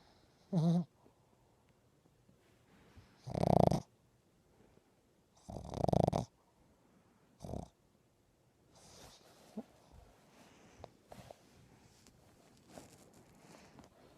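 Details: Small dog sleeping: four short snorting snores separated by quiet pauses, then faint breathing noises; snoring.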